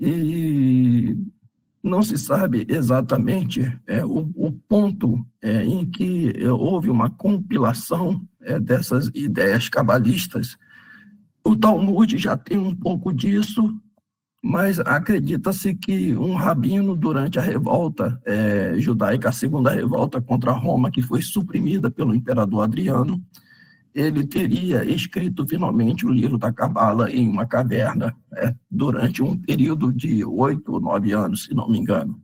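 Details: Man with spasmodic dysphonia treated with toxin injections; the toxin is wearing off, and he says his voice is worse than last time because signs return after 3–4 months, with the next injection due in early July; spasmodic dysphonia.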